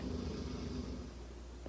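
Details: Pet dog sleeping nearby, described as really loud; a low, rumbling fluttering noise in a quiet room: dog snoring.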